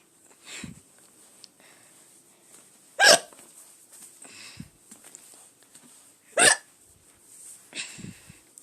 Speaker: okay please have another hiccup there we go okay uh uh